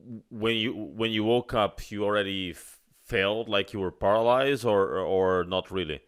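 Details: Adult man speaking; ordinary speech.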